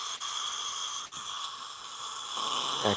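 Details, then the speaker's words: Live single-tooth dental implant surgery on an adult male patient: the steady high hissing whine and spray noise of the implant drill running with water irrigation. "Oh little bit of sound only because we've got the dual drilling here and some water"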